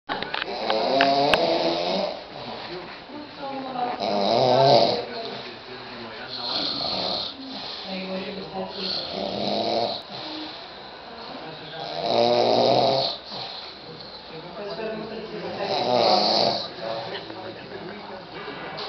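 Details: Father snoring: loud, irregular snorting snores with voice-like groaning about every four seconds, roughly 15 breaths a minute, in a small room.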